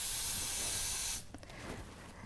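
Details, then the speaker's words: Simulated airway clearance on a patient in respiratory distress with coughing, gagging and gurgling: loud steady hiss of a Yankauer sucker suctioning secretions from the mouth, stopping abruptly as the thumb port is released and the sucker removed. "just going to suction going in your mouth occluding the whole suctioning all the secretions water blood vomit that I can see taking my thumb off and removing"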